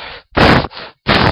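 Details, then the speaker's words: Abdominal auscultation over the aorta, renal or iliac arteries: rhythmic harsh whooshing pulses, a bruit heard in systole or both systole and diastole, suggesting narrowing from arteriosclerosis. "so breweries are swishing sounds heard over the major arteries during the sister or less commonly both during systole and diastole"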